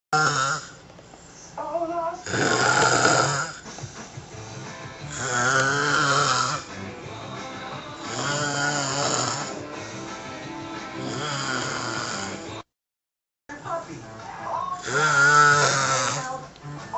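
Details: Snoring: loud, rough, long rattling snores about every three seconds, with quieter breathing between and music in the background.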